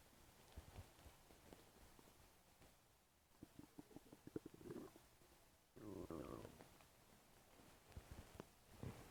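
Low gurgling rumbles and brief popping clicks from the abdomen, with a louder sustained gurgle in the middle; active bowel sounds (stomach rumbling).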